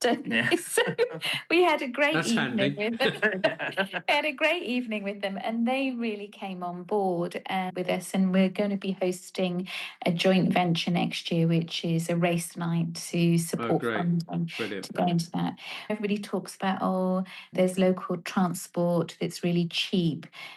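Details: Adult woman speaking; Normal speech.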